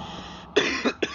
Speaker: Are you coughing down there? I mean, yeah, I'm coughing. This sounds realistic, my guy. Probably because I was coughing.